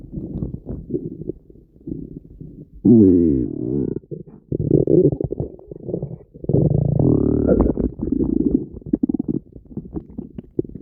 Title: Violent Stomach Noises